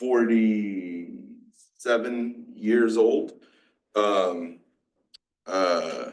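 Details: 47-year-old man with mixed Broca's and Wernicke's aphasia after a massive stroke 6 years ago, with onset in his 40s. He had to relearn to talk and still has word-finding blocks. Finding: aphasia (mixed Broca's and Wernicke's).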